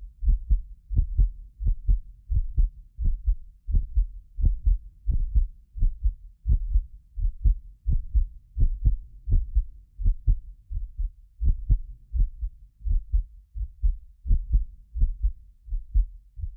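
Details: Steady lub-dub heartbeat at about 86 a minute from a medically fit adult, recorded with several precision contact microphones. The occasional doubled click is a microphone-delay artefact. Normal heart sounds.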